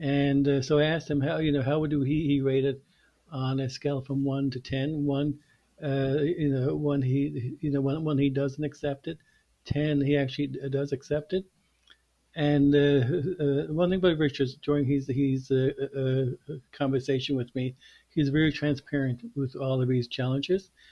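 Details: Two men who stutter in a podcast interview, one of them a speech-language pathologist; word repetitions are heard; stuttering.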